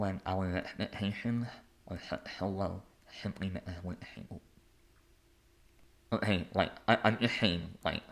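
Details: Adult male artist and conductor with a lifelong speech impediment; speech impediment (articulation disorder).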